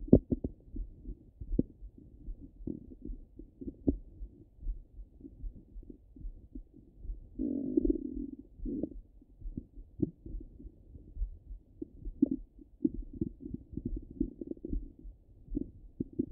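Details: Active bowel sounds through a stethoscope: frequent low gurgles and clicks with a longer rumbling gurgle.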